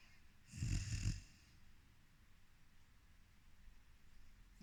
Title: 4 months old Rhodesian Ridgeback Floki snoring